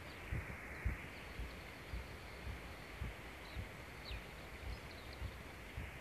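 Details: Own heartbeat recorded during a cycle ride over challenging terrain, very noisy with clipping: regular low thumps about 110 a minute; fast heartbeat with exercise.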